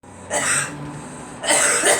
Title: Girl coughing